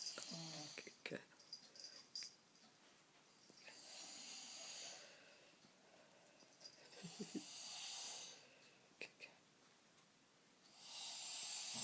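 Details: Disturbing snoring; snoring.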